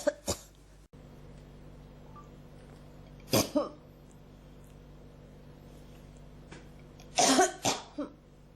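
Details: Several short coughing bursts with throat clearing between, a nagging cough that won't stop and is felt in the throat; persistent cough.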